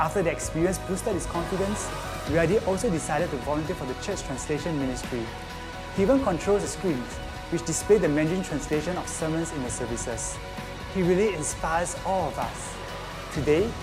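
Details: Adult narrator; ordinary speech.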